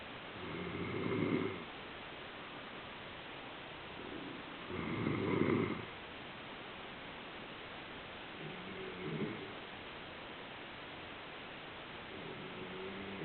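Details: A sleeping pet gives soft, rhythmic snores about every four seconds against a steady hiss from a poor camera microphone. Snoring.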